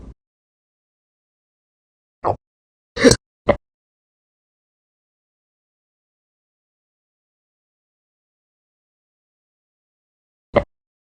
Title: 4/23/22, My Hiccups from all day, Sorry if the some of the date was incorrect, the hiccups ruined it